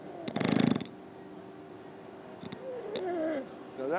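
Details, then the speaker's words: Obstructive sleep apnea episode: a loud, low-rumble snore stops in a silent pause with no airflow, then noisily resumes. "that was an apnea. Apnea means no air flow."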